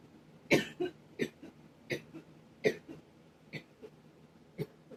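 A run of short, dry coughs and throat clears, about seven bursts in five seconds.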